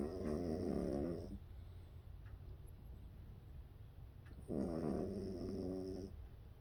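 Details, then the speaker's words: Snoring in a sleeping rescue dog that only recently started snoring: two long, rattling, rough breaths several seconds apart, with quiet room noise between them. "you snoring is that you snoring is that Skippy snoring snippy baby that's Gippy snoring little snore little baby dog snoring what a boy"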